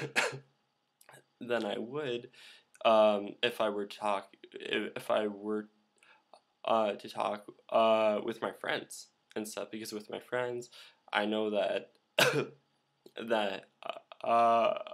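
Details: Male speaker who stutters, with repeated fillers and blocks. He attributes the blocks to his throat closing and says saying 'um'/'uh' is a habit that helps it open: stuttering.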